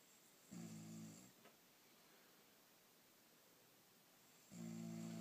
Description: My mum snoring